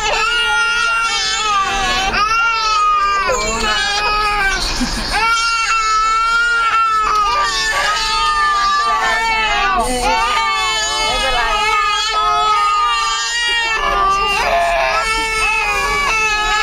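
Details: Loud, sustained crying with repeated wails and whimpers from 8-month-old twin infants, a boy and a girl, at times both together, tired after playing and a drive home; infant crying.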